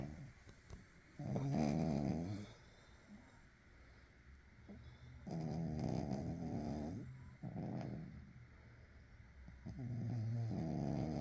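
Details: Sleeping dog snoring: low, rattling snores recur every few seconds with quiet breathing between them.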